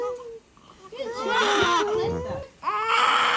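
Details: Newborn baby boy, described as hefty, just after a quick labour that followed repositioning from a wonky position: loud, strong crying bursts; a vigorous newborn cry.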